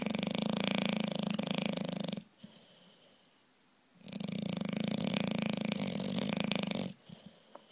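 Loud, rattling, buzzy snores on the in-breath, with quiet pauses between them: snoring in a flat-faced dog.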